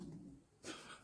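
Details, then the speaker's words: A sleeping dog snores in a small room during a craft session: a quiet, low rumbling breath, then a brief noisy snort; the owner says the dog has snored before. "snoring it's hilarious I remember some it I don't know somebody somebody's Channel and there was a dog snoring and you could hear it so loud"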